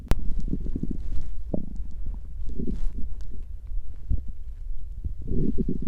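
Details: Stomach growling, mostly digestive rather than hunger sounds: low, irregular gurgling and rumbling with a few louder bursts; ordinary bowel sounds.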